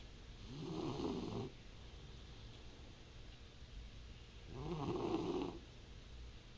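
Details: Snoring: two slow, low, fluttering snores about four seconds apart over steady room noise, during sleep.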